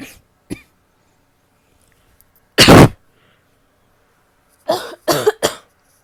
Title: coughing (f)